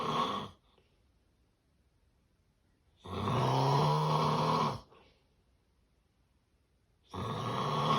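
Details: Loud, rough snores about every four seconds with quiet gaps between breaths, but no long pauses or gasps here; snoring described as severe sleep apnea.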